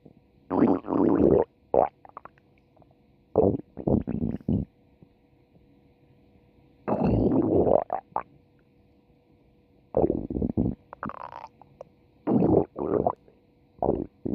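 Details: Stomach growling: bursts of low gurgling rumbles separated by quiet pauses, with a faint steady hum behind.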